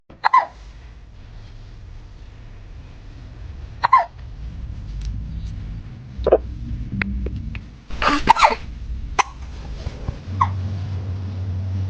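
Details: Cat hiccuping, about six brief, abrupt hiccups over twelve seconds with low room hum between, after eating its food too fast; hiccups.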